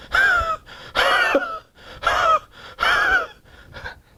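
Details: An adult imitates the Spongia cough of homeopathy: a very dry, harsh, rasping cough in rhythmic bursts, like a saw driven through a pine board.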